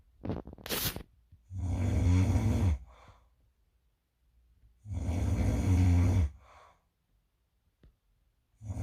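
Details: Roommate's loud, bad snoring recorded while the listener was still awake at 4:30 am; snoring.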